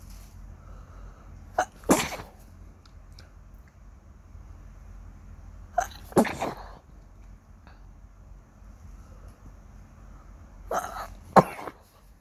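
Three sneezes, each with a quick in-breath followed by a sharp burst, spaced several seconds apart in a quiet room; ordinary sneezing.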